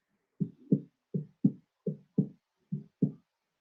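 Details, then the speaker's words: Regular low-pitched paired heart sounds at about 80 a minute with an extra dull early diastolic sound from rapid ventricular filling; third heart sound (S3). "it will be the third hot sound it's heard in the early diastole it's mainly uh caused by the rapid feeling of the ventricles by Blood"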